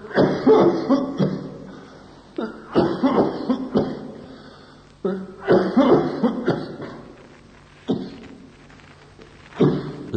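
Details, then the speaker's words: Dry irritative cough in bronchial carcinoma, teaching recording: persistent, insistent bronchial cough in clusters of harsh, dry, unproductive bursts without relieving expectoration. "Come primo esempio, una tosse irritativa, bronchiale, insistente, secca, nel carcinoma bronchiale."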